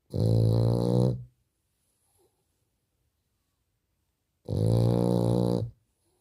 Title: The beautiful snoring of the French bulldog #frenchbulldog